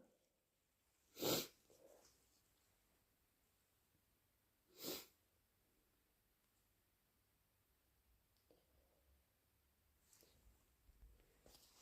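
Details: Adult with flu, fever, bad cough and raw throat: two sharp, harsh sneezes, first natural, then induced, with sniffing and breathing between; sneezing.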